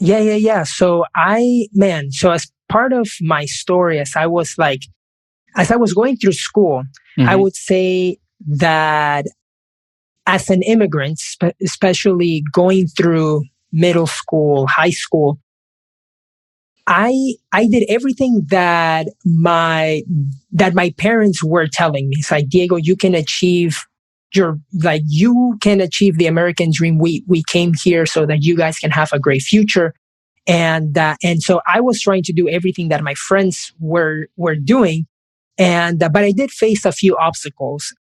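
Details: Man who has stuttered since age five in both Spanish and English, which he calls a speech impediment; he says listeners may or may not hear it: stuttering.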